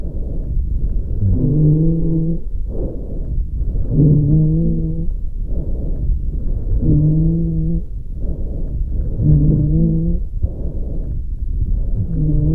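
Musical, whistling tones on each breath out, about 24 breaths a minute: expiratory wheeze from narrowed airways.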